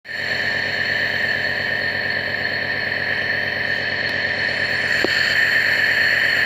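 A steady, buzzing motor drone with a high whine that holds throughout. This is a nebulizer compressor running.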